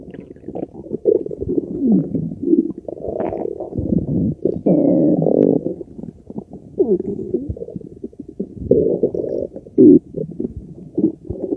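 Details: Very loud digestion bowel sounds (borborygmi): continuous loud gurgling and rumbling with squeaky rising tones.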